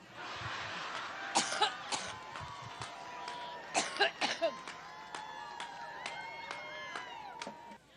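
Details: Adult woman, a presidential candidate, gives two clusters of sharp coughs, about five in all, over crowd noise and cheering while delivering a Labor Day rally speech in Cleveland, Ohio, in September 2016. She is battling a stubborn cough.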